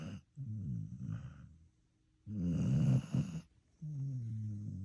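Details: Repeated low, buzzing snores on each breath from a sleeping dog, one louder and rougher, with brief quiet pauses between; ordinary snoring.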